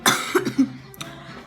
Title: Try Not To Laugh(sorry for all the coughing I’m sick😩😭)